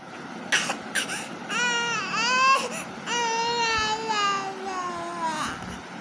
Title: crying moments 😭😭😭#baby #adorablebaby